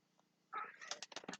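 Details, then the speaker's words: Brief, irregular bubbly gurgles from a dog's stomach over a quiet room hum; the owner suspects the dog ate grass: stomach gurgling (borborygmi). "you can hear that weird gurgling sound that's what it is it's my dog's stomach sounds crazy what did you get into that you had to go eat grass"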